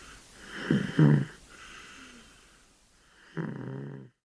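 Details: Sleeping kitten: two short, low, rough snoring breaths with a quieter breath between them; snoring.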